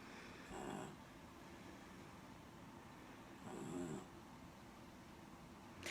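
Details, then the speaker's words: Snoring-like noise from a hospitalized child on a regular pediatric floor after PICU, due to swollen vocal cords and airways; she has never snored before, has had recent seizures, and was on Keppra, fentanyl and Versed. "Like I said, you'll hear a snoring effect. That's. She's not snoring on purpose. She's never snored before."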